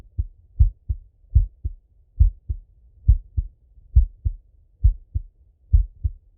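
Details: Full heart auscultation of a male, recorded either sitting at a desk or lying in bed: clear lub-dub pairs at about 68 beats a minute against a quiet background; normal heart sounds.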